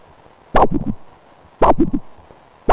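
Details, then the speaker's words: Normal triphasic arterial Doppler signal: each beat has a large sharp systolic forward surge, a brief reversal, then a small late-diastolic forward phase, heard as crisp repeating whooshes. "and so these are representations of multiphasic flow and it sounds like"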